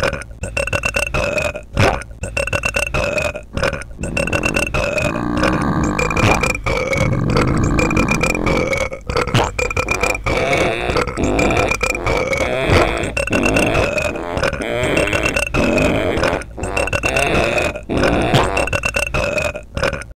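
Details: A long, loud, continuous voiced belch with a rumbling, pulsing quality lasting about twenty seconds, from an experimental burp music track; a prolonged burp.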